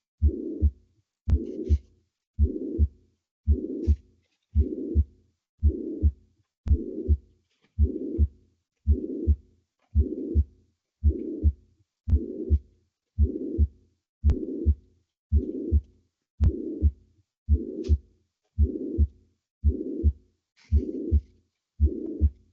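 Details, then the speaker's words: Teaching recording of a pansystolic murmur of mitral regurgitation: regular heartbeat around 56 per minute with a steady blowing murmur filling systole. "Okay. So, that's the pancysic moment that we hit."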